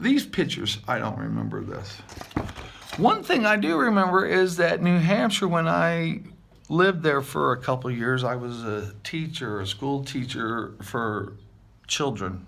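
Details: Adult male with aphasia after multiple strokes, about seven years post-stroke, with word-finding difficulty and jumbled or unintended words; aphasia.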